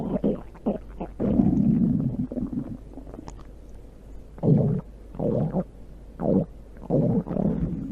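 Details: Low, gurgling stomach rumbles in repeated bursts of varying length: ordinary stomach growling (borborygmi) from gas and fluid moving through the gut.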